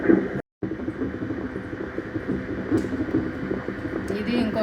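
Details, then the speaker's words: Rapid rhythmic whooshing pulses on Doppler ultrasound: the first twin's fetal heartbeat at 36–37 weeks in an IVF pregnancy (triplets reduced to twins). The mother has recently raised blood pressure, both twins are breech, and this is checked before a planned caesarean section. "Twins ఉన్నారు కాబట్టి చేసే ముందు ఒకసారి ultra sound కూడా చూసి heart beats అవన్నీ బాగున్నాయా లేదా కన్ఫర్మ్ చేసుకుందాం అనుకుంటున్నాను. సో వినిపిస్తా మీకు ఇది ఇదిగో ఫస్ట్ బేబీది ఇది"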